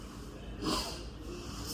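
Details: A brief, airy nasal sniff in a quiet room, with air moving freely through the tested nostril during an upper-body physical exam; normal nasal patency.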